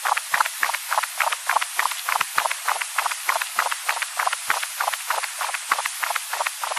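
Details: Rapid, harsh whooshing Doppler pulses at about 200 a minute in a cat with VSD, mitral stenosis and tricuspid insufficiency; mitral stenosis and mitral regurgitation Doppler flow.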